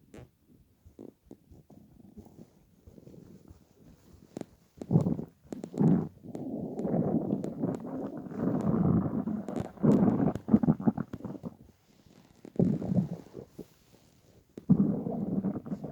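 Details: Loud, drawn-out rumbling and gurgling in irregular bursts from the belly of a person lying on a bed after about 28–30 hours of fasting to lose weight: hunger stomach growling.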